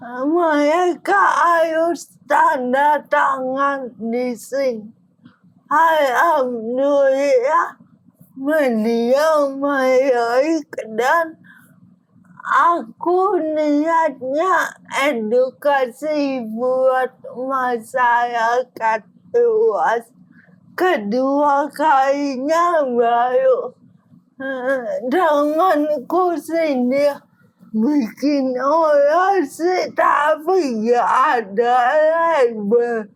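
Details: Adult woman with cerebral palsy, with gross and fine motor limitations; dysarthria (cerebral palsy).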